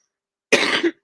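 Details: Single short, harsh cough burst from an adult after a brief silence, while recovering from a severe recent illness (tested negative for COVID); cough.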